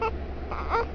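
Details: 3-month-old baby girl crying: brief, whimpering infant cry sounds over low room hum; an ordinary baby cry.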